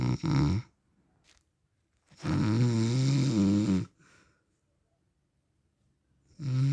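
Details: Real recording of an adult man's snoring during sleep, described as husband or dad; loud, low, rattling breaths separated by quiet pauses.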